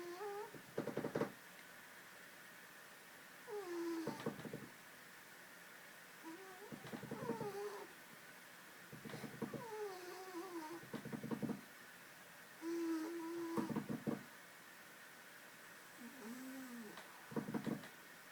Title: Zadko the Cat snores while sleeping haha